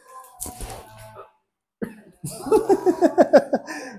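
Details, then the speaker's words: Adult during chiropractic neck treatment for neck pain, after inhale-exhale breathing: short breathy noise, pause, then rapid repeated coughs after choking; cough after choking. "Nabulunan, nabulunan."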